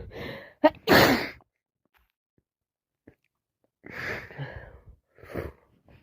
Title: It's defo another cold 🤧 non stop wet sneezes and buildups with sniffing and bit coughing